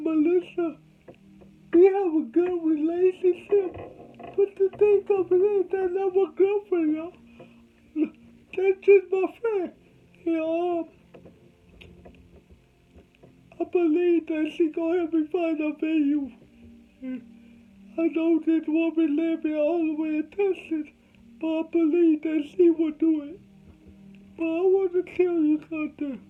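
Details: Adult man with cerebral palsy from birth, whose family was told he would never talk: dysarthria in cerebral palsy.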